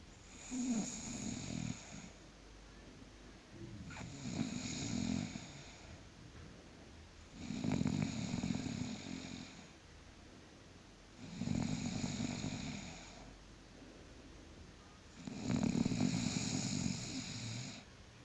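Slow, regular rattling snores on each breath, five over about 18 seconds (roughly 16 breaths a minute), with quiet pauses between.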